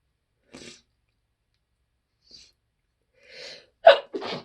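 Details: Muffled, stifled sneezing at work by someone with allergies who had run out of allergy medicine: short breathy bursts in quick succession, the last two sharper and louder.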